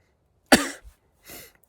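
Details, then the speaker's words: Adult thru-hiker, ill with diarrhea and a suspected low-grade fever, gives one sharp, mostly dry cough with a faint trailing throat sound, then a softer breathy exhale; not fully dry, a little phlegm. "cough also kicked up it's a dry cough which is concerning uh because it could be covid however it's not 100 dry like you can hear I have a frog in my throat from that last cough so there is a little bit of phlegm"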